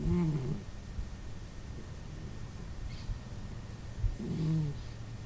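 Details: Cat snoring while asleep: two low, rumbling, rattling snores about four seconds apart, with quiet room noise between.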